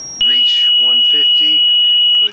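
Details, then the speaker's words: Zoll M Series biphasic defibrillator during semiannual inspection, set to 150 joules on an analyzer: loud steady high-pitched charge-ready tone for about two seconds over speech before discharge. "so now we'll move our energy level up to 150 we'll take our uh range switch up to high now because we're over 100 Jewels we're going to charge soon as we"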